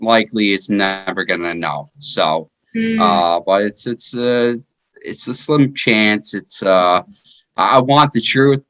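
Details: 33-year-old man with aphasia after a stroke in 2019 that followed repeat heart surgery; aphasia.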